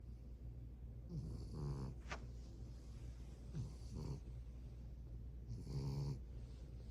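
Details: Sleeping French bulldog puppy snoring: rough, fluttering snores on each breath, three in about seven seconds, over a steady low room hum.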